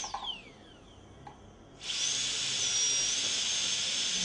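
High-pitched steady whine of a dental high-speed drill cutting tooth during a molar crown preparation.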